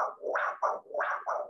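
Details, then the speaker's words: Doppler arterial pulse signal during blood pressure measurement in a classroom demonstration: as the cuff pressure is slowly released, rhythmic whooshing pulses show arterial blood flow returning to the arm. "she's now going to slowly release the pressure from the cuff so you'll notice at that lower pressure then if you hear the tapping"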